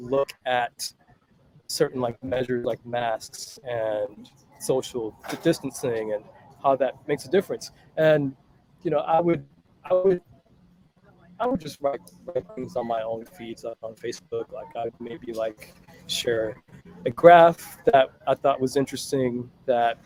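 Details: Adult man with mild stuttering, about 98-99% fluent with blocks on a few words, worse on phone and video calls; stuttering.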